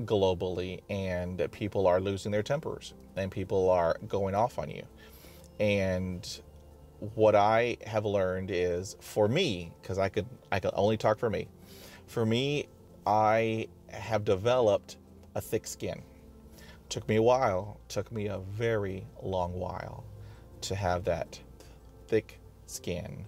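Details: Person who stutters, describing blocking while speaking; stuttering.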